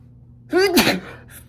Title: First time chhinkni sneezes (M)